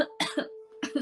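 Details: Girl coughing: several short, dry coughs in quick succession with throat-clearing, in a small quiet room during repeated coughing and throat-clearing.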